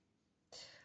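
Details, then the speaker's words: Quiet room, then one abrupt, harsh, hissing burst, the cut-off start of a pet cat coughing in the background: cat cough. "Si vous entendez du bruit, c'est pas moi, c'est mon chat qui tousse."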